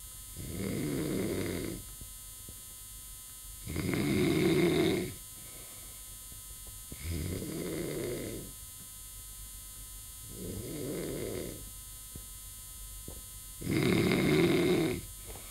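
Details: Snoring recorded while breathing with all holes closed: five loud, rattling snores at about 19 breaths a minute, with a faint electrical hum behind them.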